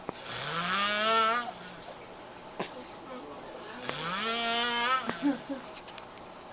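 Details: Two long, loud, rising whistling snores about four seconds apart, each followed by quieter breathing and small clicks, from a sleeper found asleep.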